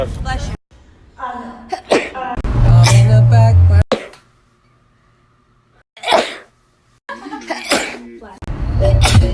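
A run of loud, explosive sneezes, some with a breathy build-up before them, one after another with brief gaps.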